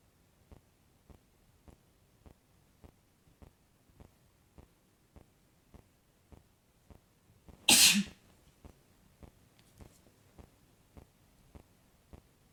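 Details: Adult man (boyfriend) sneezes again: a single loud, sharp sneeze in a quiet room with a ticking clock in the background; sneeze.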